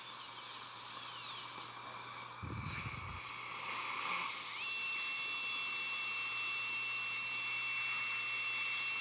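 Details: Steady high-pitched whine of a dental high-speed drill, with a brief low rumble partway, cutting an anterior tooth for a conventional crown preparation, axial and gingival reduction before occlusal reduction, in a patient with periodontal history.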